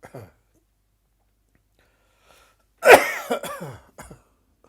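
A short dry cough followed by a strained, gagging cough burst and a brief retching sound.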